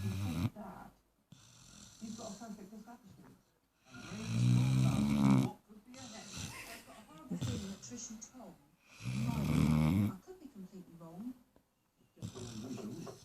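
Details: Low, rumbling, snorting snores in bursts with softer breathing noises between, from a 4-month-old Great Dane puppy; snoring.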